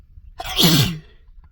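A single forceful sneeze with a quick voiced burst lasting about half a second; an ordinary sneeze.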